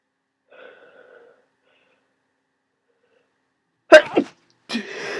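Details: Person with a worsening cold sneezing a lot: a faint sniff or intake, then after a pause one loud, sharp sneeze and a short noisy exhale.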